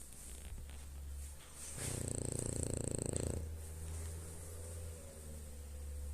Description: Healthy sleep - healthy snoring. This is the opinion supported by my dog, French bulldog Lady. And she knows what real snoring is.